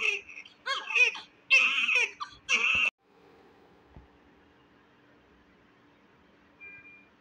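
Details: Several short, high-pitched cries in bursts over about three seconds from a premature, low-birth-weight (1.8 kg) newborn in hospital after secretion cleaning/suction, then quiet room noise; newborn cry.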